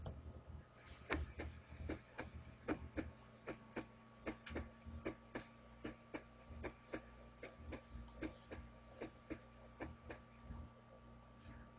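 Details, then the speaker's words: Recorded heart sounds at a normal resting heart rate: regular lub-dub at about 75 a minute, with S1 to S2 shorter than S2 to the next S1; normal S1 and S2. "you hear you're hearing L up L up L up L up every once in a while I get people that are like well how do you know which one's S1 S2"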